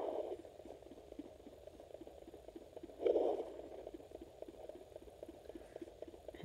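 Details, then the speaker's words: Doppler on pregnant dog at 60 days' gestation carrying 7 puppies; mother's rate 103, relaxed; rapid regular whooshing puppy fetal heartbeat with louder swishes of puppy movement: fetal heartbeat on Doppler. "And those are puppies moving around in there. There we go. That's a puppy heartbeat."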